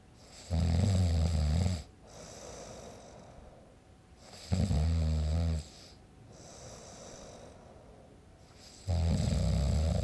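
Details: Adult man snoring, sound-effect recording made with a Zoom H5: loud, deep, rattling snores on each in-breath, quieter out-breaths, about 13 breaths a minute; ordinary heavy snoring.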